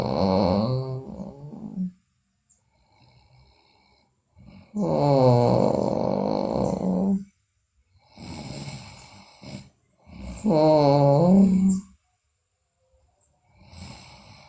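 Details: Sleeping girl, in a recording also showing teeth grinding (bruxism) and delirious sleep talk, makes long, voiced, rough breaths in irregular cycles, about 11 a minute: snoring.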